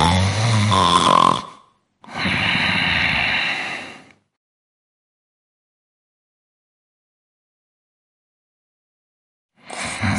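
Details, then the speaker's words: Snoring during sleep, presented as a sound that may signal obstructive sleep apnea. "conoces este sonido conoces a alguien con apnea del sueño despiértalo puede ser fatal"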